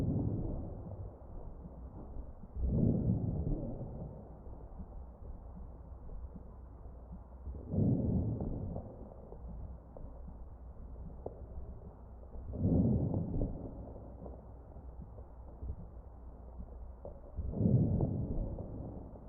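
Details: Crackles heard over the chest of a ventilated patient.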